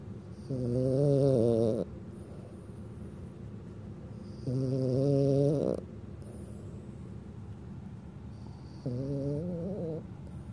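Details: A dog napping on a sofa in the afternoon gives three long, wavering, tonal snores, about 15 breaths a minute, with quiet pauses between.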